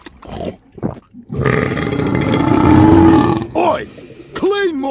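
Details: A long, loud, rumbling belch following a few short throaty sounds and ending in a brief voiced sound, taken from a compilation of burps and belches; burping.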